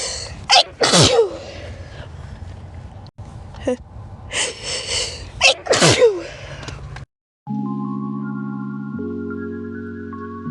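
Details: Several forceful sneezes, some preceded by catching inhaled build-ups, followed by a short burst of music.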